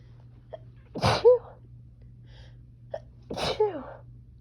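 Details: Adult woman with allergies flaring in summer heat, nighttime sneezing fit: two sharp sneezes, each after a quick indrawn breath, ending in a short vocal trail, then exhaled puffs; repeated sneezing.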